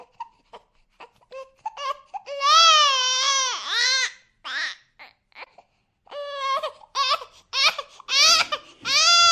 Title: Baby crying [sound effect]